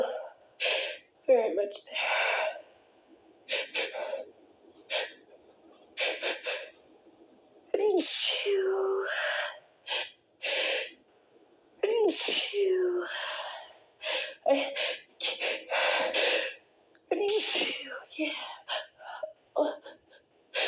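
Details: Repeated sneezes, most stifled into short squeaky bursts and a few breaking through fully with a sharp gasp before; some were too strong to hold back.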